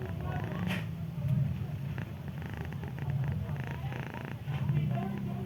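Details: Low, continuous rumbling breathing with soft nasal rattles, mixed with purr-like sound, from a sleeping female ginger cat with a little cold, already given medicine; snoring.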